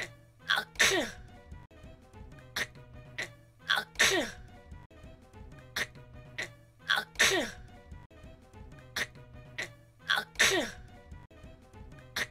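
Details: A sneeze fail: sharp, explosive sneeze bursts repeating about every three seconds as a looped edit, with music underneath.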